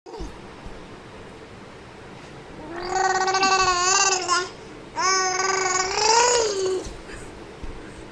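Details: Five-month-old baby gurgling: two drawn-out, voiced vocalizations with gliding pitch, typical of normal babbling, cooing and vocal play.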